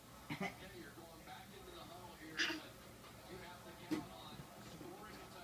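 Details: A person coughs; cough.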